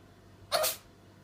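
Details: Ginger cat sneezing: a single short, sharp sneeze.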